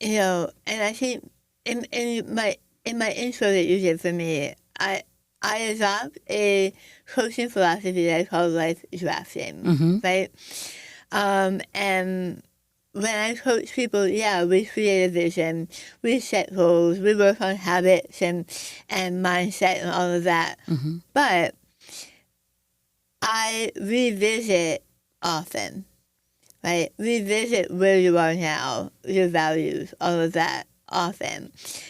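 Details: Adult woman after stage 4 right-sided tongue squamous cell carcinoma (diagnosed December 2021), over half of tongue removed and reconstructed with arm-skin flap, plus neck dissection, tracheotomy, chemoradiation and speech therapy; speech after partial glossectomy.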